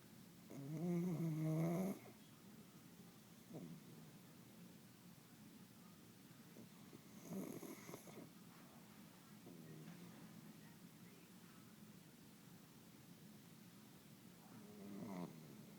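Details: Sleeping with eyes half open, tongue bobbing in and out of the mouth; spaced, rough, vibrating breaths, about three louder episodes in sixteen seconds, in a quiet room: snoring.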